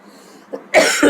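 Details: Worsening persistent adult cough despite doctor consultation and medication, with headache and slight breathing difficulty: a quiet breath catch, then two loud, harsh coughs in quick succession, a coughing fit.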